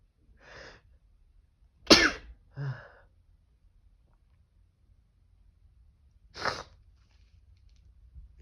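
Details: Adult male with congestion gives two forceful sneezes induced with toilet paper, each an explosive burst of air separated by quiet; sneeze.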